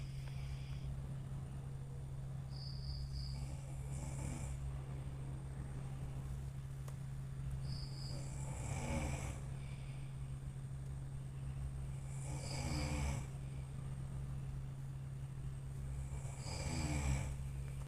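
About four rough snores, roughly 13 a minute, over a steady fan-like hum. Ordinary snoring during sleep.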